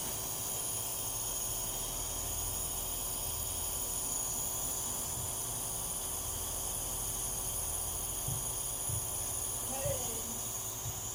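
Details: Compressor nebulizer running for a dog with kennel cough: steady hiss with a low motor hum throughout.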